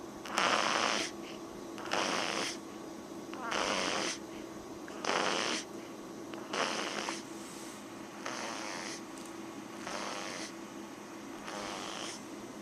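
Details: Max (Maxwell) snoring: loud rhythmic rasping snores about every 1.5 seconds, roughly 39 per minute, over a steady background hum; ordinary snoring.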